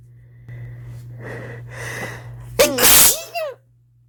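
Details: Stifled sneezes from a person at the start of a cold with a pounding headache: quiet breathy inhalations build up, then a loud, partly held-back sneeze with a short second burst.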